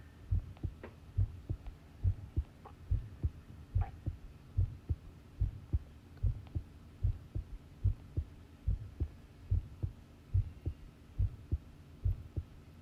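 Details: Long-duration heart sound recording of a person listening to their own pounding heartbeat: regular low thumping at about 71 beats a minute with a faint steady hum behind; normal heart sounds.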